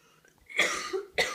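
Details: Adult woman with coughs for a few days, acted in a comedy skit of home-remedy cures: two harsh, explosive cough bursts in a small room.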